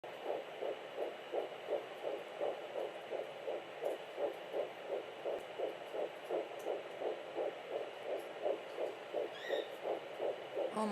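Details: Fetal Doppler at 9 weeks 5 days in a twin pregnancy; the twins' rates ran about 170 and 180 and were hard to tell apart: rapid, regular whooshing fetal heartbeat around 165–170 a minute.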